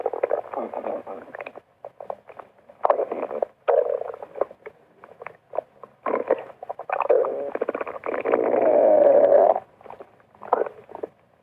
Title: stomach rumbles while she's exercising!